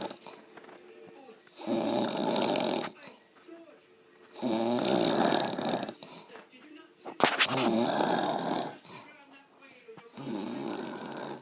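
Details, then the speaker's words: A mother snoring loudly: rattling snores about every three seconds, each over a second long, with quiet exhalations between, while someone asks if she is done snoring. "You done snoring? Mom. Mom. Done snoring? What?"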